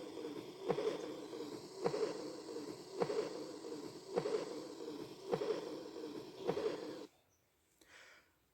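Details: Aortic regurgitation, an early diastolic murmur heard at the 4th–5th intercostal space: regular heartbeat near 52 a minute with a soft blowing sound after each beat.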